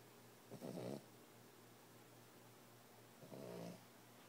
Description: My boxer pup at 14 wks snoring like an old man.